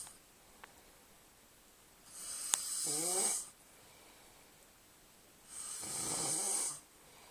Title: My snoring husband. Payback time for all my lost hours of sleep!